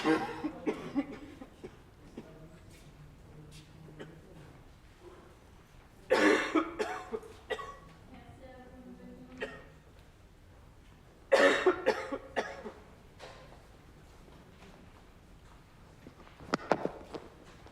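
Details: Acted, simulated dry, barking coughs from a male in a library scenario, in a few harsh bursts separated by long quiet stretches in a calm room; dry barking cough.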